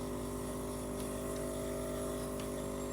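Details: Compressor nebulizer giving a daily breathing treatment (15–20 minutes, twice a day) to a ventilator-dependent daughter whose diaphragm does not work properly; steady mechanical hum and buzz.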